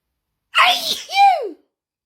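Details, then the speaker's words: Sneeze in a sneezing fit with no known trigger: a single sharp sneeze with an in-breath and explosive release, part of a run of repeated sneezes. "I go again, another sneezing fit."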